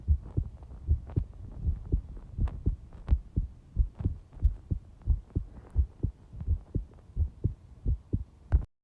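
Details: Soft, regular paired heart thumps at about 88 beats a minute; a quick heartbeat recording.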